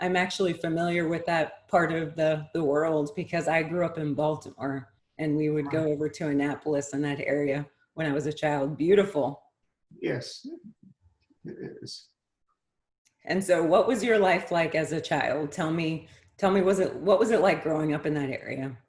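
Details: Adult woman with spasmodic dysphonia, diagnosed at about age 35–36, which she describes as not severe.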